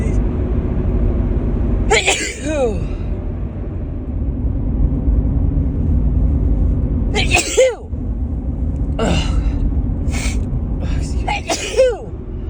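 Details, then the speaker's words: Woman with repeated harsh sneezing, four or five forceful sneezes a few seconds apart, over a steady low rumbling background. She suspects a grass pollen allergy. "Oh, I think I have to sneeze again. Oh, God. Oh, excuse me, they're so big."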